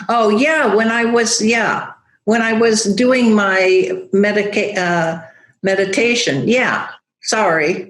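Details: Aphasia after a stroke in a woman who teaches yoga; she still loses words, knowing the word but unable to make the linguistic connection to it.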